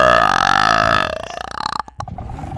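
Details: Female streamer on a live stream: a long, loud, voiced belch that rumbles steadily, then breaks into choppy bursts; burping.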